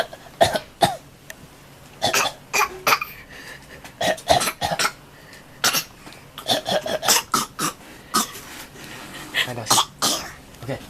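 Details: A child gives a long run of short, sharp coughs, about twenty in eleven seconds, with little pause between them.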